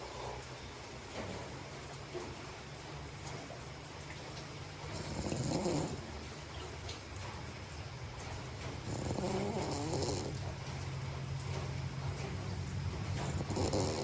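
Slow breathing with rough, fluttering snores on some breaths over a steady low hum, typical snoring in sleep.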